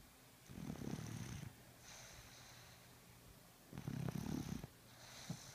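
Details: Snoring: low, fluttering snores with soft snorts on the breath, two clear cycles.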